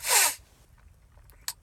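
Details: Adult sneezing on purpose after taking cayenne pepper, one of a series of about 10 sneezes: sudden sneeze bursts.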